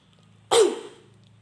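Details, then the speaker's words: Effective-cough demonstration by an adult, done after deep breathing to clear airway secretions into a sputum pot: a single strong, abrupt cough burst. "Hai usahakan batuknya kuat agar Secret keluar dengan baik"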